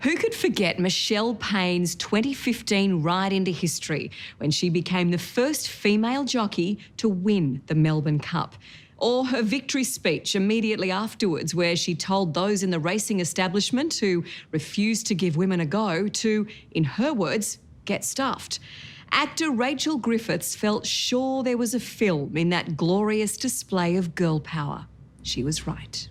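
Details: Adult woman speaking; normal speech.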